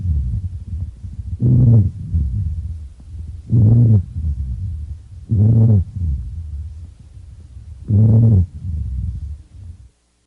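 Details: Low, musical snoring-like tone recurring with each breath on lung auscultation, a low-pitched wheeze (rhonchus) from narrowed or secretion-filled airways.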